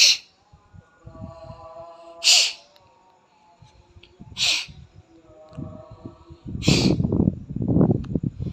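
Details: Four sharp, hissing sneezes about two seconds apart, with faint humming and rustling, while the nose dries after Jala Neti nasal rinsing: repeated sneezing.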